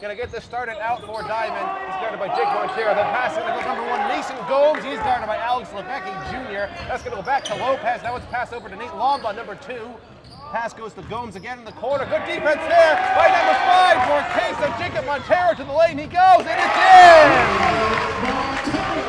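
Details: Adult male commentator; normal voice.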